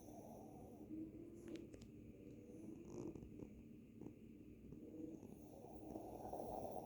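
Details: Soft, steady snuffling snores from a sleeping small dog, with some room noise in the background; ordinary dog snoring.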